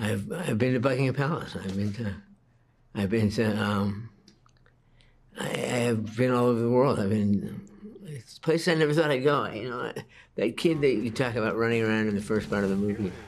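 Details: Hypokinetic dysarthria in a 61-year-old man with Parkinson's disease, diagnosed at age 29.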